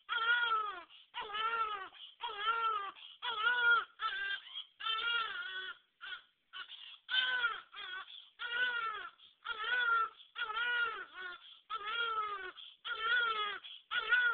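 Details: Rhythmic bursts of high, clear crying, about one cry every second, from a baby born a few days earlier: an ordinary newborn cry.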